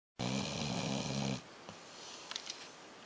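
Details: Sleeping dog at the end of the day: a loud, rough, fluttering snore lasting about a second, then quiet breathing; snoring.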